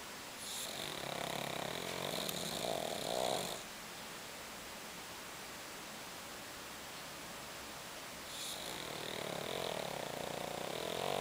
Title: Kuri The Snoring Pug